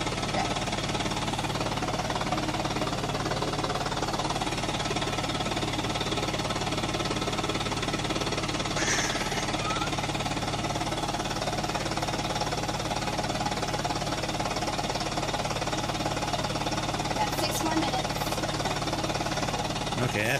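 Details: Female patient during high-frequency chest wall oscillation vest therapy, coached to breathe deeply and cough, reporting no discomfort. Continuous rapid mechanical pulsing and whirring at about three pulses a second, shaking the chest to loosen secretions.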